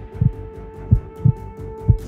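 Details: Low regular thumps through a stethoscope, about 110 a minute, with a steady hum behind; a doctor checking a pregnant woman's heartbeat in a staged comedy scene.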